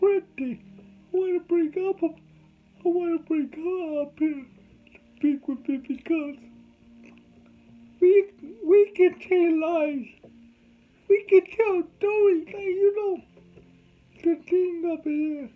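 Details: Adult man with cerebral palsy, whom doctors said would never talk, showing dysarthria in cerebral palsy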